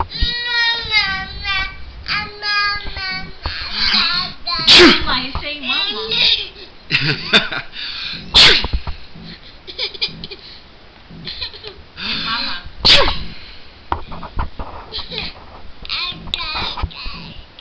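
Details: Three sharp sneezes in a home setting mixed with an infant boy's babbling and squeals and adult voices; sneezing.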